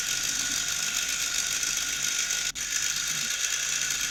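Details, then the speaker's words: Steady rapid ratchet-like clicking from a Phoenix (formerly Rocket) home low-intensity shockwave therapy unit running continuously. It is being applied along lines on a flaccid penis for erectile dysfunction, shown in fast motion. "and then you work each one of these lines so i'm going to show you in fast motion how a treatment is done on each one of these lines"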